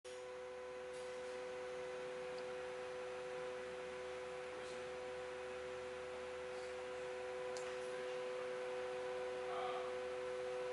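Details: Harvard Model 11 syringe pump running: steady high tonal motor hum with faint soft ticking over quiet room noise.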